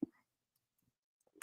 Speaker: If you can hear that, that's my jaw popping. I'm not sure why it's doing that. It might be the change in the weather.